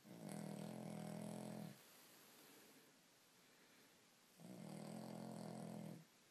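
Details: Heavy snoring in a sleeping dog: two long, loud, buzzing snores on the in-breath about four seconds apart, with softer breathing between.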